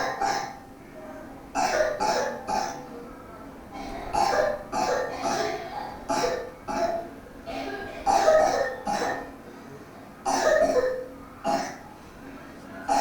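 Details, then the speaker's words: A 7-year-old girl's loose, rattly cough in several short bouts, about fifteen in all, with no fever, appetite loss or breathlessness. Wet cough, raising the thought of protracted bacterial bronchitis (PBB). "Uh so yeah so this is typically the wet cough and if the child is having wet cough for no other symptoms except for wet cough no loss of appetite, no fever and no breathlessness and this kind of a wet cough."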